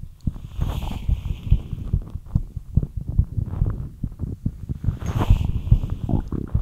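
Quick, steady low thumping heartbeats, a fast rate after light exercise, with brief soft rustling in the background.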